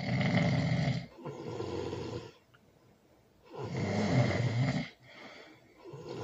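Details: Loud snoring during sleep, recorded with a baby present: rough snores on the in-breaths, about 20 breaths per minute, with quiet pauses between, in a small room.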